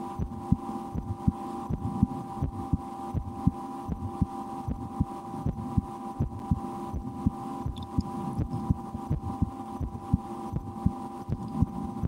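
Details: Adult's own heartbeat through a stethoscope in an ASMR recording, with breath-holding and a game to speed the rate, and loud digestion after lunch; soft regular beats about 80/min over a steady hum; normal heart sounds.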